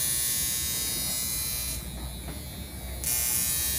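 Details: A NuDerma high-frequency skin therapy wand used for an at-home facial on a mother, reported painless: a steady electrical buzz that briefly softens midway.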